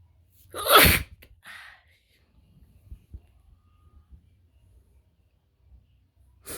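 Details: Sneeze from a person with a wide nose, recorded in Africa: a single loud, sharp burst followed by a brief softer exhalation and quiet breathing.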